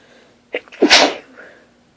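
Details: Person lying in bed just after waking, in a sneezing fit that grew progressively stronger: one sharp sneeze, a quick in-breath then a forceful hissing burst of air; recorded on a phone.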